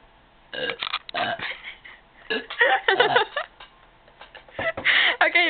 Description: This is my sister burping. This is effing HILARIOUS!!!